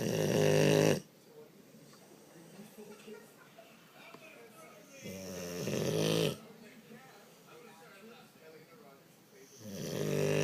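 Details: Sleeping boxer dog, described as the loudest snorer, with loud, deep, rumbling snores about every four to five seconds, roughly thirteen a minute; snoring.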